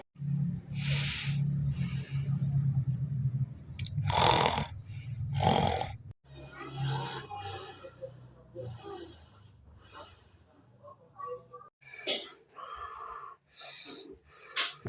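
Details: Person asleep, snoring, sleep-talking and smiling: deep rumbling snores alternating with breathy, hissing breaths and snorts; ordinary snoring.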